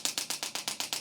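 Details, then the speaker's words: Chattanooga mobile radial pressure wave (RPW) shockwave unit moved in small circles while treating hip flexor pain in an engineer and jiu-jitsu athlete: rapid, regular hissing clicks, about eight pulses per second. "Again, I'm going to make small circles here. I use a Chattanooga shockwave machine."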